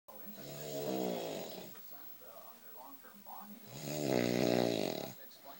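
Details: Boyfriend snoring very loudly, reportedly every night: two long, loud, buzzing snores on the in-breath with a quieter gap, rattling soft-tissue vibration during sleep; snoring.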